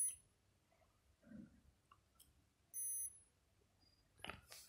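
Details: Short high electronic beeps from an Omron non-contact forehead thermometer taking a reading, with faint clicks and handling noise in a quiet room; reading shown as 97.5 °F.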